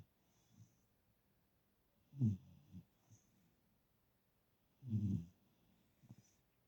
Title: Sharing my pillow with a snoring Cavapoo.